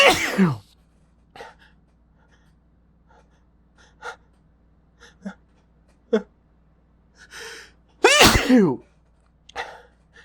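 Two loud, explosive sneezes, each with a sharp intake of breath before it. Softer breaths and faint sounds fill the gap between them.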